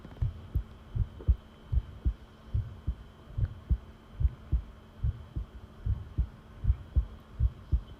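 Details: Long-duration heart sound recording of a person listening to their own pounding heartbeat: strong, regular lub-dub at about 75–80 beats a minute over a faint hum; normal heart sounds.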